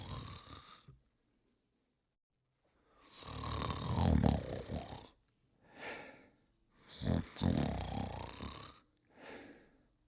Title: The Dog Crew (TV Series) (1990-1992) Characters Sleeping and Snoring